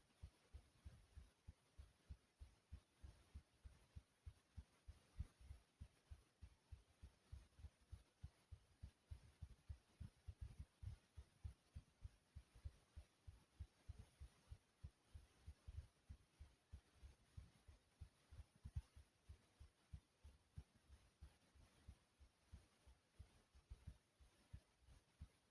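Low, rapid heart thumps in quick pairs, growing louder, with faint steady hiss behind.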